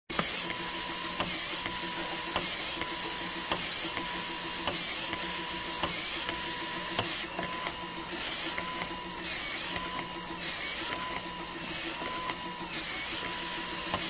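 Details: Breast pump sound effect: rhythmic mechanical suction cycles about 52 a minute, with a whirring motor and short tones; a breast pump running.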